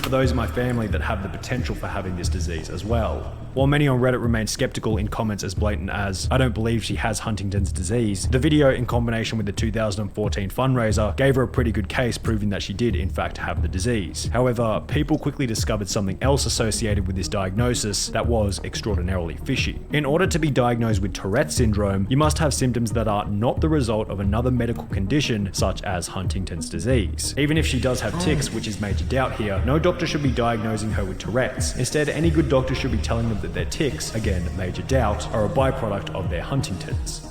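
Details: Adult male narrator; normal speech.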